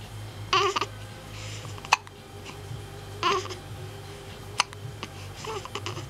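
Two abrupt, sharp hiccup clicks a few seconds apart amid soft baby babbling and steady room hum; ordinary hiccups.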